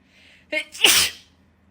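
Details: Quick catching intake then a forceful, hissing reflex sneeze, set off by a COVID-19 nasal swab test: swab-induced sneezing.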